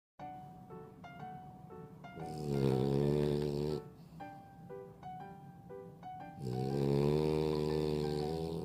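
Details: French bulldog snoring, tagged as a reason for the owner's insomnia: two long, loud, rumbling snores with quieter breathing between, over background music.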